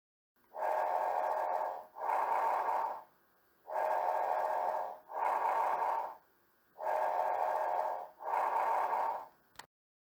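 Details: Soft, even breath sounds at about 18 breaths a minute with no wheeze or crackles: normal breath sounds.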